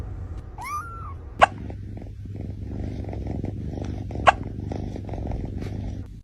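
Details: Cat hiccups after eating food too fast: two sudden, sharp little clicks about three seconds apart, following a brief soft vocal sound.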